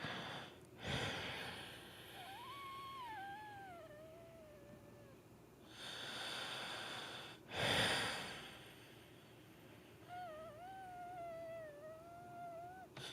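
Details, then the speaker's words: Adult exhaling just after vomiting, with phlegm; breathy exhalations carry a thin whistling, gliding tone, an expiratory wheeze that keeps him awake at night. "you hear that little wheeze oh that wheeze drove me nuts I couldn't fall asleep"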